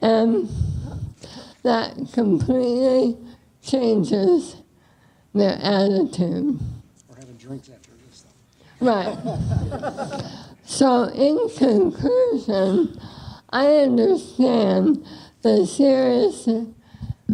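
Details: Woman with bulbar ALS affecting speech and swallowing, with hoarseness and slurred words; dysarthria (bulbar ALS).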